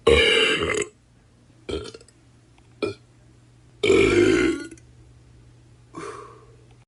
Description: This 20-minute burp sound effects compilation delivers non-stop funny burping sounds for your entertainment or projects.